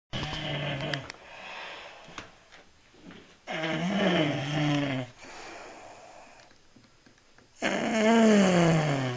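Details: Man snoring: rough, rattling snores come in bursts with quieter breaths between, about 15 a minute; snoring.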